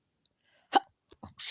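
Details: Pet Sadie: one sharp explosive sneeze, then faint snorts and breaths in a quiet room.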